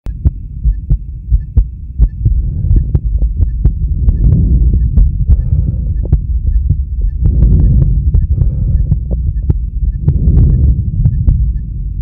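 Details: Male heartbeat recorded with blood pressure: low rhythmic thumps under a loud rumbling whoosh and faint clicks, the beat partly masked; normal heartbeat.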